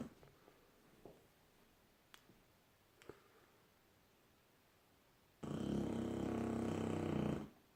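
A quiet room with faint soft snuffles, then one loud rough, buzzing breath sound lasting about two seconds: a young dog snoring.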